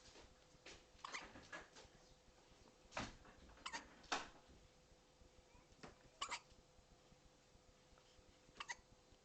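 Short, sharp, irregularly spaced gulping clicks in a quiet room, consistent with hiccups in a small pet.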